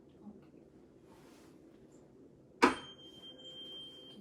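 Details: Rinne test on a man: a sharp metallic strike, then a steady, high, pure ringing tuning fork tone placed on the mastoid bone behind each ear until he can no longer hear it.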